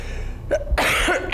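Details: 23-year-old woman who has chain-smoked about 25 cigarettes a day since age 12: short, harsh cough, a small burst followed by a stronger rough one, in a quiet room; smoker's cough.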